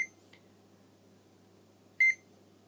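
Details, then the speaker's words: CADD Legacy infusion pump for epoprostenol (Veletri), powered on after fresh batteries are inserted: two short, high-pitched start-up beeps over faint room hum, signalling it is ready to use. "it will go through its settings and when it's happy to be manipulated it will beep a few times the toast it's happy to be used"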